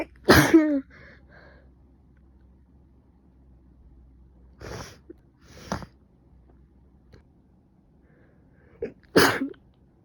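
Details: Two loud, explosive sneezes with softer sniffs and breaths between them in a person who probably caught a cold, with stuffy nose, coughing, severe headache and fever.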